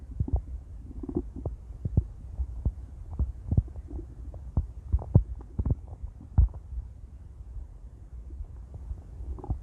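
Frequent low gurgles, pops and rumbles from the belly; active bowel sounds, a normal stomach growl.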